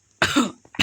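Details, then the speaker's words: An adult who is unwell with a cold and runny nose gives a single harsh burst of coughing, followed by a brief breath, while gaming; cough. "วันนี้ผมก็ไม่สบายนะครับผมต้องขออภัยด้วยนะครับอาจจะมีเสียงเซิร์ชน้ำมูกแล้วก็เสียงไอจามนะครับ"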